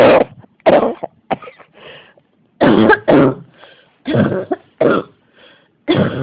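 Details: Repeated harsh coughs in bursts, about eight to ten in six seconds, with brief gaps; a persistent, unstoppable coughing fit.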